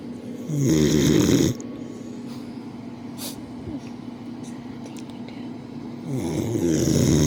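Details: Two loud, rattling inspiratory snores separated by quieter breathing, from a sleeping boxer dog; snoring.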